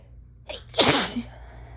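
A single sharp, explosive sneeze after a brief indrawn breath, with a soft voiced tail; an ordinary sneeze.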